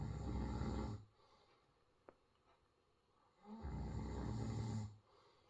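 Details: Two deep, rumbling snores, each about a second long, with a quiet pause between: ordinary snoring during sleep from someone who claims not to snore.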